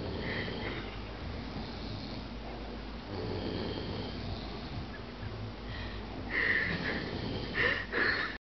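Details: Adult man asleep in a recliner; noisy, raspy, irregular breathing through the nose and throat over a faint room hum; ordinary snoring.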